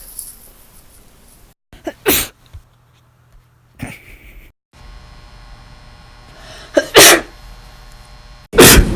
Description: One day I recorded me sneezing and then it turned into this... take your allergy meds kids!